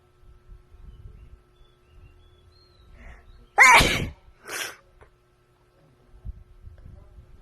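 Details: Woman sneezing again in a quiet hotel room: a quick inhaled lead-in, then a loud explosive sneeze and a softer second burst.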